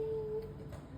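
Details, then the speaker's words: A lecturer imitates asthma's expiratory wheeze in a respiratory exam lesson: no wheeze on breathing in, then a steady musical whistle on the out-breath, typical of asthma. "Jadi seperti ini ee misalnya tarik napas pada asma belum ada wiz tapi pada saat dia keluarin baru ada"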